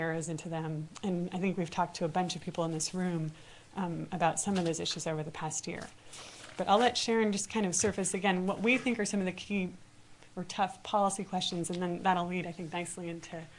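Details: Adult woman speaking; normal fluent speech.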